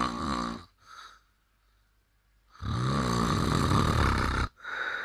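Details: Snorer wearing an anti-snoring device that does not work, loud, rough, rattling snores on breathing in, separated by a quiet pause, with a softer noisy breath between them; snoring.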